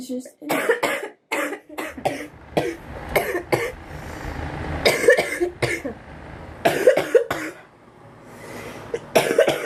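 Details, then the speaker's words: Repeated bouts of short, harsh coughs from an adult woman, with a low traffic-like rumble between bouts; recurrent coughing. "do you hear that i know you find my cough cute so it's just"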